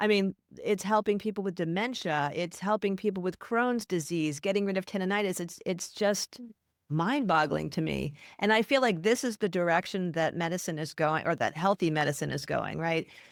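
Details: Adult woman speaking; plain speech.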